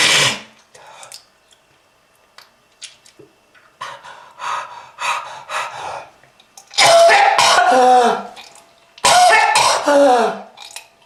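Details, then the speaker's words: Harsh, wet coughing fits with throat clearing and strained, gurgling breaths; a productive cough in smoking-related lung disease, with red-coloured material brought up. "That red color is not from fruit punch, kids. If you want this to happen to you, just keep smoking. This is lung disease."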